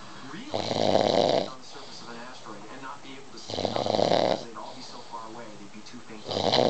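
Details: Man said never to snore: loud, rough snores on each breath in, about 20 a minute, with quieter breathing between them; ordinary snoring.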